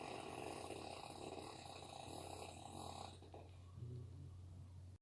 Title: Husband snores like dinosaur